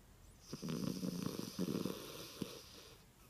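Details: Snoring from a sleeping 3½-year-old rescued female Dorkie (dachshund–yorkie mix) that sleeps with one eye open: two rough, rattling snore breaths with a soft snort between them.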